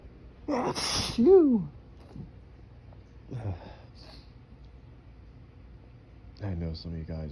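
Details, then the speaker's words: Morning allergy sneeze outdoors in breezy pollen-filled air while trying to hold it back with fingers to the nose: a sharp sneeze with a rising-falling voiced cry, then quieter breaths and a short vocal sound. "I thought I would try and hold back my boing allergies sesus see how long I can hold back and build up cuz I know oh"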